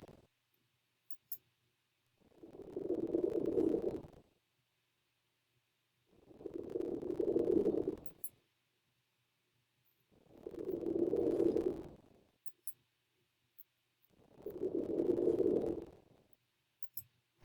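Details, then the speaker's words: Adult female patient in a virtual comprehensive assessment, symmetrical chest expansion; soft, even breath sounds at about 14 a minute, clear posteriorly in all fields with no added sounds (recorder noise may mimic crackles); normal breath sounds. "sounds are cleared auscultation in all fields posteriorly entirely your chest is symmetrical"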